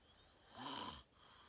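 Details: A single rough, rattling snore lasting about half a second over quiet room noise; person filming themselves sleeping, fell asleep fast around 8:45, described as deep REM sleep; sleep apnea tagged.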